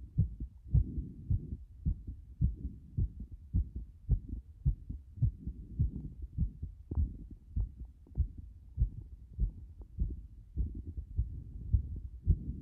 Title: 不整脈多発な心臓音